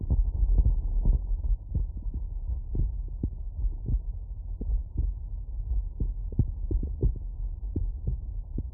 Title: Heartbeat auscultation stethoscope heart sounds with phonendoscope CS-417 + electornic